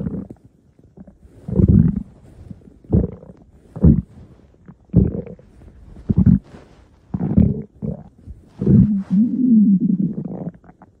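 Loud, shifting gurgling and rumbling bursts from the abdomen, ending in a longer drawn-out growl; ordinary stomach growling.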